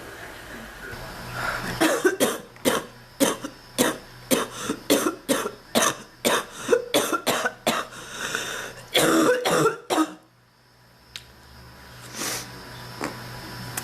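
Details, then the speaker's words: Ongoing cough, not improving, with chest pain; long run of about 20 harsh, rapid coughs, a pause, then one more; persistent coughing fit. "This keeps happening. I wish I would get up to go do something. Whoopee. No pun intended. I want to stop coughing, please. Oh, my chest."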